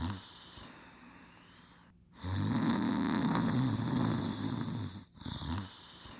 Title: Fafa's Well Known Fantastical Fairytales Collection: The Pink Panther Snoring Quietly in 47 seconds